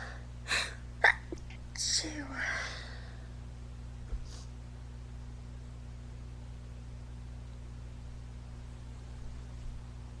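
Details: Girl's sneezing fit: a quick run of three or four sharp, explosive sneezes in the first two seconds, then a quiet room.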